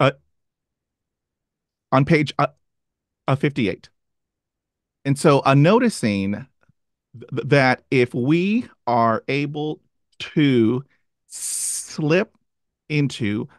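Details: Stuttering in an adult who stutters, with part-word repetitions heard before a word.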